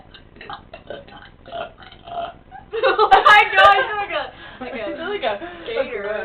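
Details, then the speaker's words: A long, loud, voiced burp with a croaking, gurgling tone amid quieter burps, talk and laughter, produced on purpose during a burp contest: burping. "let's have like a contest okay let's you know how they have like dance off let's do a bur off ready go"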